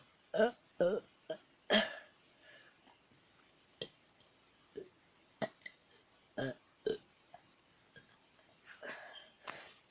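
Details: Person deliberately burping on camera: a series of short, irregular burps, a few loud and several softer, in a quiet room; repeated belching.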